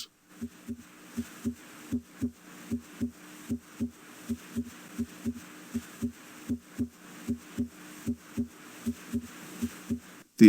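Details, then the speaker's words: Heart auscultation teaching example of normal heart sounds: S1 from mitral and tricuspid valve closure and S2 from aortic and pulmonic valve closure. Systole falls between S1 and S2, with the longer diastole between S2 and the next S1. "ventricular cstate occurs between S1 and S2 ventricular diast occurs between S2 and the next S1"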